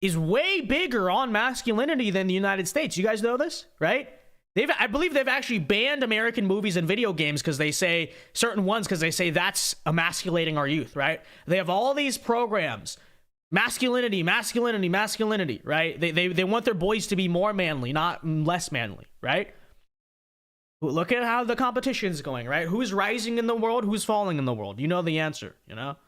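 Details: Adult speaker; normal speech.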